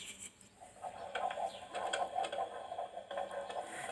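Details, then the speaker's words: Fetal heartbeat recorded by Doppler at a midwife appointment at 16 weeks 3 days of pregnancy, with the baby moving around a lot: rapid rhythmic whooshing pulses, about 150 beats a minute, normal. "we were able to hear the baby's heartbeat and I was able to record it as well for Dan"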